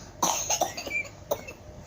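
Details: Brief burst of small, squeaky, laugh-like coughs, then another cough, brought on by laughing hard; cough after laughing.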